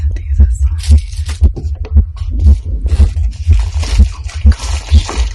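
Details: Woman's own heartbeat recorded during an excited unboxing at her baby shower: regular low fast thumping, about 120 a minute, with faint talk and music behind.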